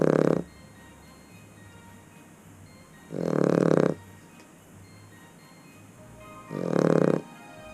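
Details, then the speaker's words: Background snoring during a conversation on a boat: loud, regular snoring breaths about every three seconds, roughly 20 a minute, over quiet room noise. "you'll hear obviously snoring in the background as usual"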